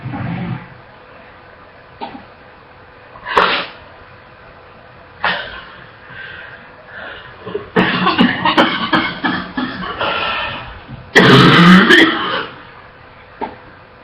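Repeated harsh coughs, some in rapid bursts, with gasping between and a gagging quality; a barking, wet-sounding persistent cough.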